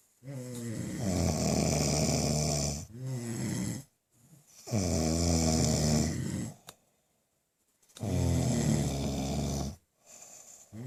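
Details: Two people snoring in a small room: loud, rough, buzzing snores on each long breath, separated by brief quiet gaps.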